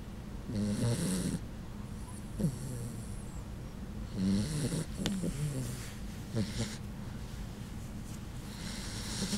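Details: Puggle dog asleep, snoring with soft, rattling snorts that the owner says sound human-like, over steady room hum.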